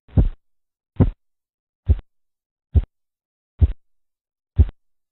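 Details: Korotkoff sounds heard during blood pressure (tensión arterial) measurement.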